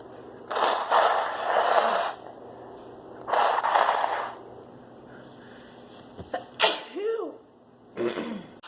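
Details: Female with flower/pollen spring allergies: a fit of several forceful sneezes in close succession, some preceded by a sharp inward breath; allergic sneezing.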